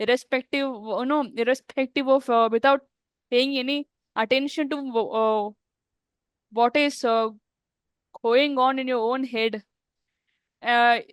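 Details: Adult woman who stammers, speaking in a real podcast interview; stuttering.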